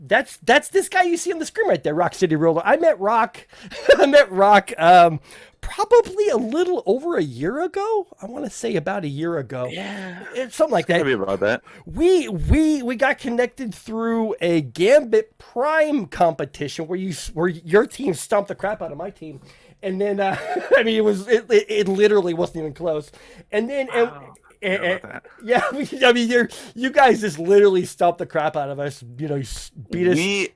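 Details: Stuttering (self-reported) in an adult male podcast host who says people in voice chats kept asking him to repeat himself; speech has word and phrase repetitions.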